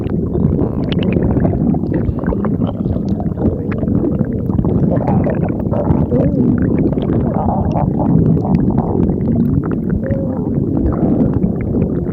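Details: Stomach growling: continuous low rumbling and gurgling with soft bubbling pops, ordinary bowel sounds (borborygmi).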